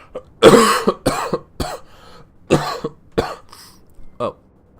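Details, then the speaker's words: A fit of several harsh, loose coughs in quick succession, then throat clearing, from an adult man recovering from a mild cold affecting his throat and voice, sounding croaky. "okay. Well, I'm not entirely over the coughing. It seems like, yeah, it's not been it's not even really been deadly man flu. It's just been a rather mild cold."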